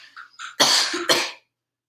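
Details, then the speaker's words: Clinical swallow evaluation: after a swallow trial, the patient says "ah" then gives two strong, sharp voluntary coughs: a good clearing cough. "all right that sounds good so i'm not hearing any wetness or vocal folds i'm not hearing any rattling around on the vocal f"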